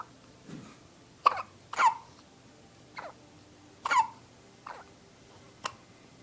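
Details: Two girls compete in a hiccup battle: several short, abrupt, gulping hiccups at irregular intervals over a few seconds against quiet room noise.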